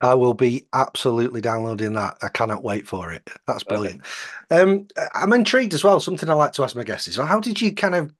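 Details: Adult man; typical speech.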